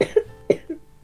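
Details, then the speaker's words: Adult Japanese man with a sore throat: two or three short, dry coughs in a quiet room. "うん。え、本当に？のどが痛いんだよね。"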